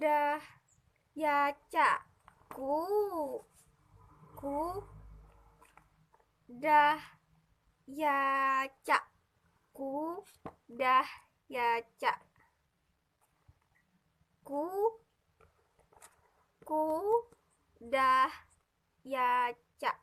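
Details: Demonstration for a psycholinguistics assignment, in Indonesian, of fragmented, incomplete word production; transcortical motor aphasia.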